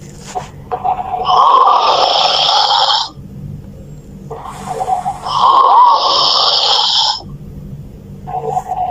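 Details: Loud, drawn-out, groaning snores about every four seconds with quieter breaths between; heavy snoring.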